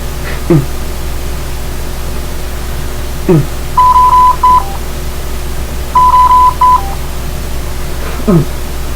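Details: Drager Evita XL ventilator demonstration: repeating groups of high electronic beeps over machine hum with soft breath-cycle swishes, an apnea alarm after the patient stopped breathing.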